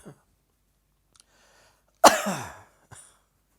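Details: Tickling afternoon cough: a single sharp, dry cough burst with brief throat sounds before and after, in a quiet room.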